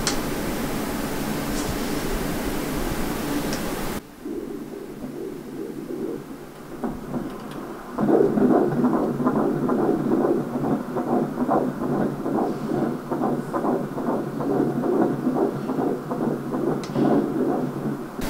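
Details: Fetal heartbeat on ultrasound Doppler at a prenatal consultation in the fifth month of pregnancy: rapid, regular whooshing pulses at about 143 a minute, normal.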